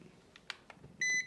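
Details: Temporal forehead thermometer used on a volunteer in a role-play demonstration of a pediatric exam: a few soft clicks, then a steady high-pitched beep lasting about a fifth of a second as the reading completes.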